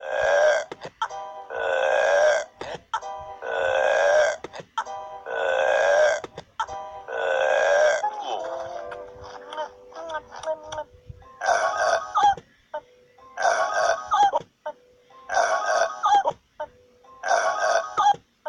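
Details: Loud, repeated, croaking burp-like calls in rhythmic bursts from penguins, with faint background sound; burping.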